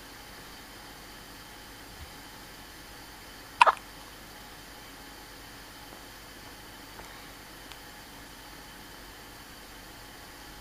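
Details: Hiccups: a single sharp, high hiccup against steady background hiss.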